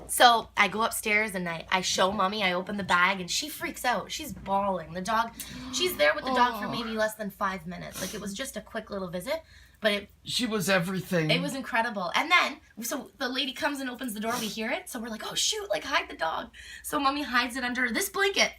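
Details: Adult woman speaking; typical speech.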